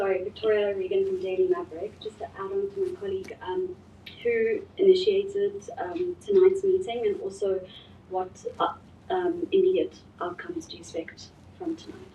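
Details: Adult woman speaking; normal voice.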